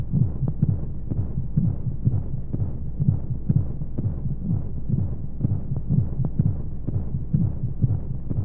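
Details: Womb-sound sleep aid for babies: steady low double thumps at about 62 a minute under a soft whooshing hum and white noise; heartbeat as heard inside the womb.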